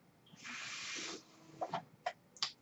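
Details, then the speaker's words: Soft rush of airflow followed by brief clicks and puffs, a mechanical ventilator cycling during a podcast introduction; the speaker says the noise is from his ventilator; real recording. "hello everyone my name is that noise hearing is by ventilator and welcome to page turners they were not my stores podcast"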